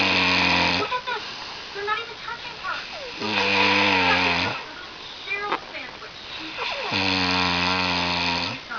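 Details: Loud, buzzing, strongly vibrating snores on each in-breath, about 17 a minute, with bubbly whistling sounds between, from a sleeping person who keeps the recorder awake again; heavy snoring.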